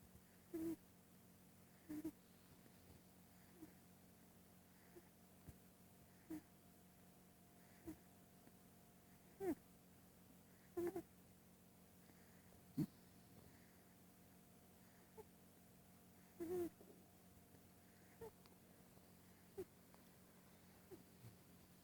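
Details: Soft, squeaky snoring from a sleeping female cat, repeating about every one and a half seconds in a quiet room.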